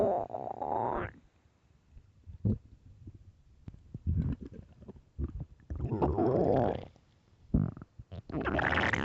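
Loud gurgling and rumbling bursts of irregular length, typical stomach growling from hunger; a normal finding.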